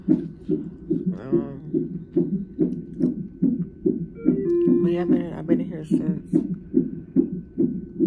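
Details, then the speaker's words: Fetal heartbeat on the monitor in labor-and-delivery triage at 34 weeks of pregnancy, mother having sharp pain and pressure: fast, regular whooshing pulses at about 140 a minute, with soft music and a brief voice. "I just had a very very sharp pain look at hear the heartbeat they got me on the [Music] monitor"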